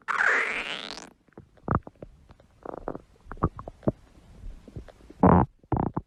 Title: stomach growling